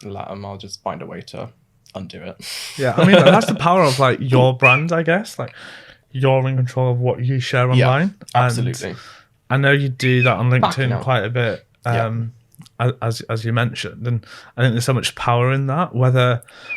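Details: Adult man speaking; ordinary speech.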